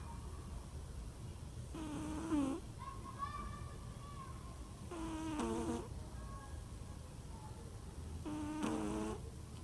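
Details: Cat snoring: soft, faint snores with a whistling tone, about three in ten seconds, over steady background hiss.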